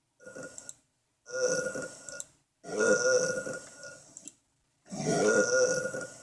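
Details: Small animal burping: four long, rumbling, throaty burps in six seconds; repeated belching.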